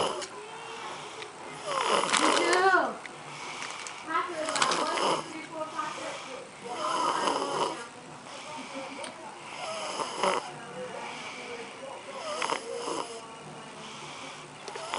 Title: Snoring kids how to treat